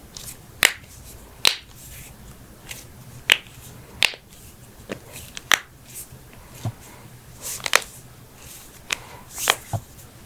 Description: Head-To-Toe Joint Cracking Compilation! ASMR Popping Sounds** Knuckles, Backs, Necks, Toes, Ankles, Hips, Wrists, Jaws, and More!